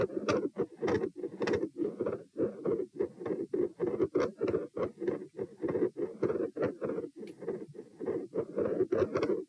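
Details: Heart sounds during a stress test, questioned phasic pressure changes and a possible PFO shunt: fast beat near 100 a minute, uneven in rhythm and loudness, rushing sound between beats; irregular heart sounds with possible murmur.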